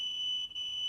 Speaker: this is a simulation of what tinnitus sounds like from one of my patients here at the Oregon Health and Sciences University so I just want you to hear it and listen to it this is the sound that this person hears 24 hours a day seven days a week